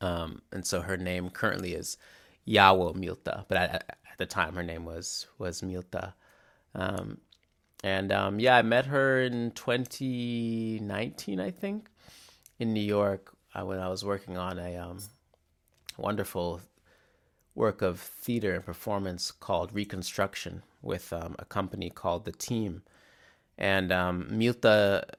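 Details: Real adult male who stutters, mainly with often-silent glottal blocks and also with repetitions; stuttering.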